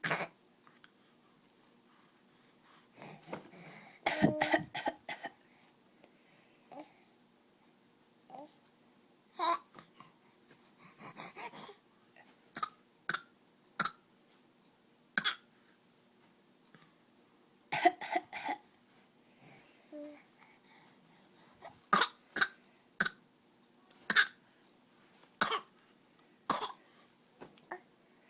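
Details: A young child gives repeated short, forced coughs with babbling between them, a newly learned deliberate imitation rather than illness: voluntary cough.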